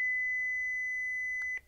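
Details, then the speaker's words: Philips HeartStart OnSite AED training demonstration: after shock advised, steady high-pitched tone ending in a click and thump as the training defibrillator delivers a simulated shock; AED shock delivery. "make sure no one is touching the patient press the flashing orange button now"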